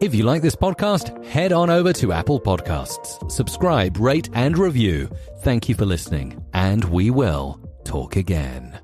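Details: Adult male announcer; fluent speech.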